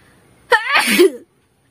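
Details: Young woman in a sneezing and nose blowing challenge: one sharp, loud sneeze with a brief voiced burst, in a quiet room.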